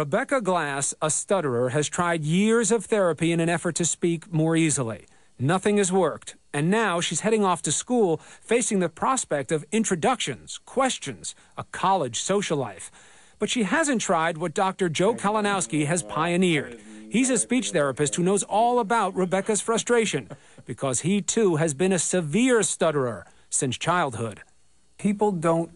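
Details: Adult narrator; no speech disorder.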